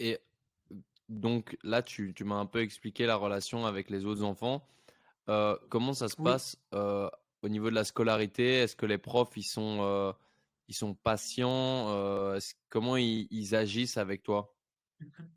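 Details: Adult male podcast host; normal speech.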